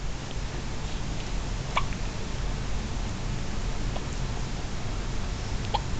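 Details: Baby girl: two soft, brief hiccups several seconds apart over steady room hiss; hiccups.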